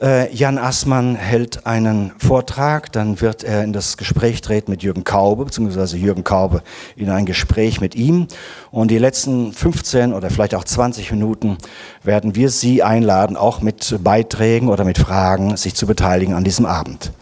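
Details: Adult man speaking German; normal voice.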